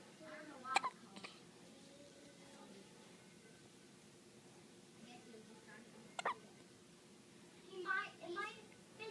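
Two sharp, brief hiccup sounds from an infant, spaced several seconds apart, with faint babbling near the end over quiet room noise.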